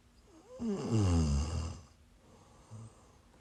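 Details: Live-streamed sleep recording of a sleeper who is sick: one loud, low rattling snore on the in-breath, then a quiet snort; snoring.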